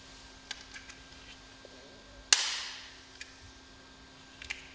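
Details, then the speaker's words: Respimat soft mist inhaler primed before first use: cap opened, release button pressed, repeated until a mist appears; small clicks, then a sharp snap with a brief hiss of spray. "Appuyez sur le bouton de déclenchement. Refermez le capuchon. Répétez l'étape précédente jusqu'à ce que vous voyez un nuage."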